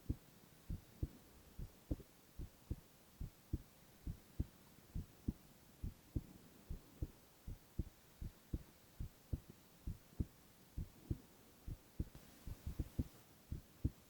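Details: Male (boy) heart sounds in a silent, no-talking ASMR recording: steady paired heartbeats at about 69 a minute over faint hum; normal heart sounds.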